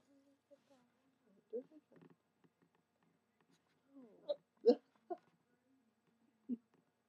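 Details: Two people hiccuping: several short, abrupt voiced catches spaced apart in a quiet room, fitting hiccups.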